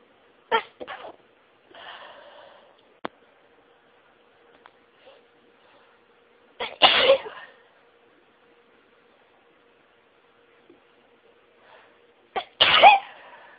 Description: It started off fairly slowly but I threw some stifles in and they always make the tickling and tingling in my nose so much more intense and the sneezing became really rapid and really took my breath away.